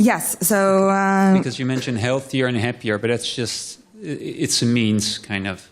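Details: Adult speaker; normal voice.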